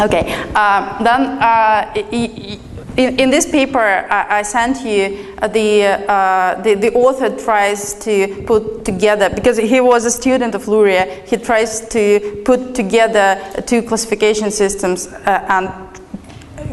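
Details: Adult woman lecturing; normal speech.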